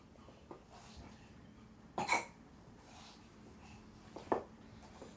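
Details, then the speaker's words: An almost one-year-old infant, moving about, with hiccups: two short, sharp catch sounds about two seconds apart over quiet room noise. "do you have hiccups?"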